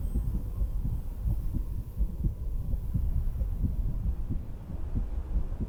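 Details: A woman's own real heartbeat through a stethoscope while she sits on a beach-house porch: muffled, steady low thumps partly buried in wind, ocean-wave and rumbling background noise.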